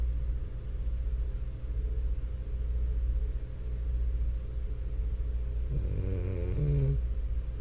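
Continuous low rumbling snore with steady noisy breathing throughout; a short louder snort near the end. Snoring in a sleeping flat-faced dog.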